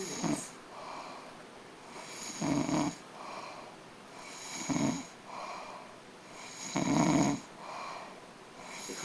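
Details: Rhythmic rough snores on each in-breath, separated by quieter out-breaths, in a small room; ordinary snoring.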